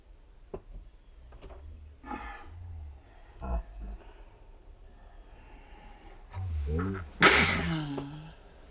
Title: Slow Motion Baby Sneeze